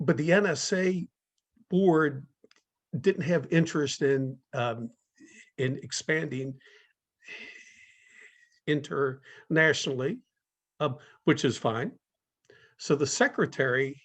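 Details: Adult speaker in a talk series run by a community of people who stutter; stuttering.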